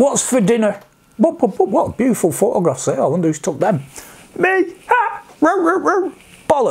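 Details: Vocal tics of Tourette syndrome in an adult man, including interjections like "hey", words, barking and coprolalia; tics at this degree began after age 46, alongside mild sniffing, humming, blinking, eye-rolling and neck-stretching tics.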